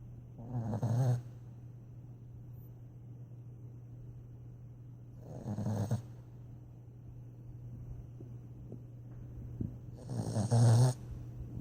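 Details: Dog snoring in sleep: three loud, rough snores about every five seconds, roughly 12 breaths per minute, over a steady low hum.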